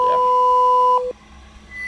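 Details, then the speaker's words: Pure-tone audiometry test tone from a software hearing-test app, played from low to high frequencies to left and right ears after calibration; the patient presses space when the tone is heard. "Misalnya suara yang tampil kedengaran tekan spasi. Kalau tidak jangan tekan spasi. Jadi frekuensinya dari kecil sampai besar."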